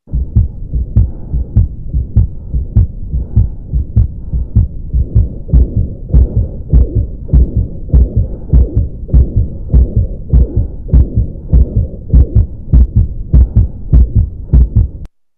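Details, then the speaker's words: Pediatric heart murmur in a baby heard by stethoscope: normal heartbeat at about 100 beats a minute, then an extra whooshing sound in the middle section, then normal again for comparison. "I hope you guys could hear and appreciate uh a little bit of difference in there the sound in the Middle with the extra whooing sound those that's B basically a cardiac murmur and we hear these actually quite often"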